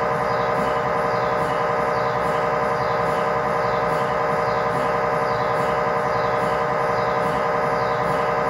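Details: MRI scanner noise recorded inside the scan room during a test tibia/fibula (lower leg) MRI in a controlled environment, using a GE high-definition lower extremity coil (stated as 16- or 8-channel): loud, steady, rapid mechanical knocking at about 92 a minute.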